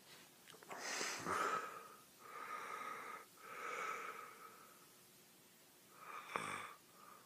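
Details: Obstructive sleep apnea during sleep: harsh, whistling gasping breaths with a quiet pause, the person gasping for air.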